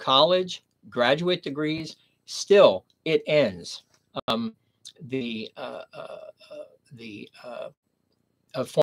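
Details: Man with aphasia after a stroke at age 59, nearly 11 years earlier, in the later recovery period; aphasia.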